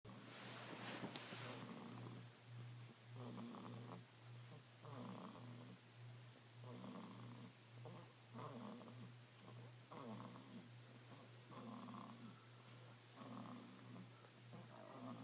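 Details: Baby snoring: soft, rhythmic snoring at about 35 breaths a minute over a steady low hum; ordinary snoring.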